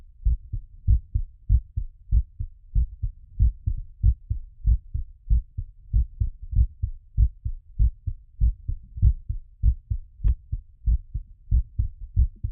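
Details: Post-exercise recovery auscultation: regular paired lub-dub heart sounds at about 95 beats a minute, a mildly raised rate while recovering after exercise; normal heart sounds.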